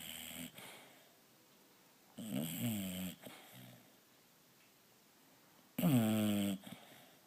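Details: Sleeping bulldog snoring while lying on its owner: rough, fluttering snores with each breath, about 17 a minute, in a quiet room.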